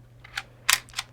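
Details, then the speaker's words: Pressair multi-dose dry powder inhaler, demonstration device, top button pressed once to load a dose (indicator turns red to green): a few short sharp clicks; dose-loading click. "And so to load them the the dose, you'll press it down"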